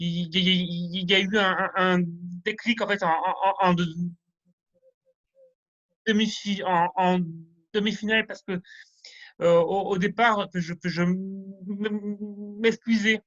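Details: Male French speaker who stutters, rehearsing a semi-final contest speech, with sound and word repetitions, fairly fluent overall with stuttering arising from time to time; stuttering.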